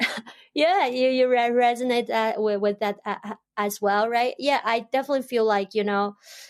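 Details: Adult woman who stutters, stuttering since about age 7 or 8, stutters in her Chinese dialect, Mandarin and English; stuttering.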